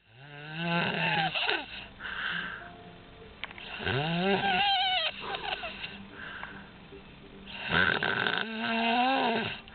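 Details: Snoring from a grandmother asleep in a car: three loud, rasping snores with whistling, pitch-sliding tones, about 18 breaths a minute.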